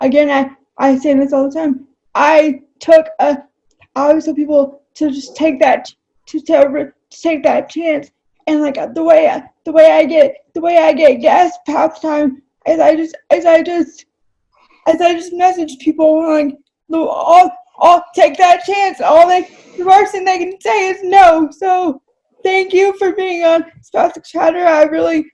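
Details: Dysarthria in an adult woman with cerebral palsy, who says talking takes a lot of effort for her.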